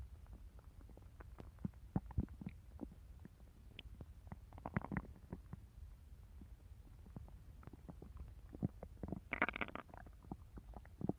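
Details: Stomach growling in a hungry person eager to eat a cookie: quiet, steady gurgles and pops with a few longer squeaky rumbles over a faint low hum.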